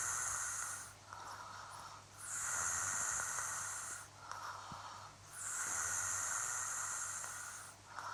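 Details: Sleeping adult fiancé, slow, regular hissing, whistly breaths about 19 a minute, with a rough snorting edge on each breath; snoring.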